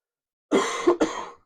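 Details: Two quick, loose, rattly coughs in close succession; a chesty cough.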